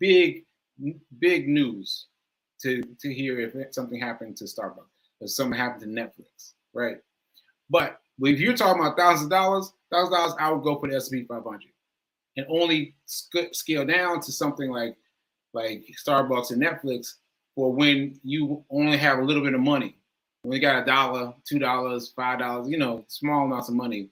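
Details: Male speaker who says aphasia is affecting him today and that he lost track of his point; speech shows word repetitions. Aphasia.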